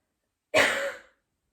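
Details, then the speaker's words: Person recovering from Covid demonstrating a voluntary forced cough for airway clearance: full exhale, big inhale, breath held, then one deliberate forceful cough to loosen lower-lung congestion; cough had been dry and non-productive. "full exhale big inhale and retain and cough exhale as I said sometimes the cough was very small and shallow with time and practice it would get a little bit deeper"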